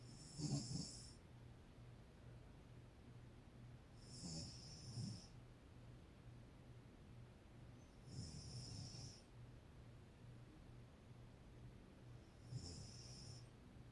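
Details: Mother (adult woman) asleep: regular low snores about every 4 seconds, roughly 13 a minute, each with a hissing breath; snoring.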